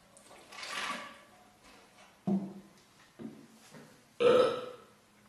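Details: Girls burping: several short, throaty burps in a quiet room, the last one loud and drawn out; ordinary belching.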